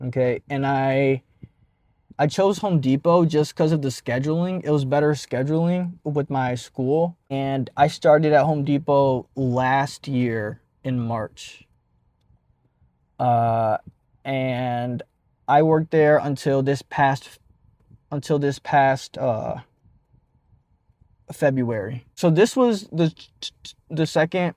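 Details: Adult man who stutters and has stopped hiding his stutter, speaking after his second turning point in embracing it; stuttering.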